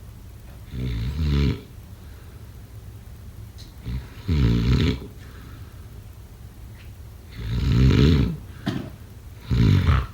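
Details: Loud, rough, low rattling snores on each breath during sleep, about four in ten seconds, with quiet pauses between; typical heavy snoring.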